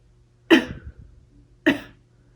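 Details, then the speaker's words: Acted demonstration of coughing into the elbow: two short, sharp, slightly muffled coughs about a second apart. "hello when I feel that I need to sneeze or cough I prepare my arm then I sneeze or cough into my elbow or"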